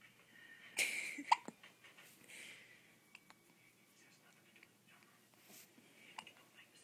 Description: My daughter gets the hiccups after every feeding.